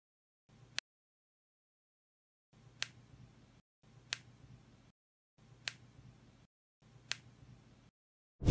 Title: cracking and popping sound in joints 💥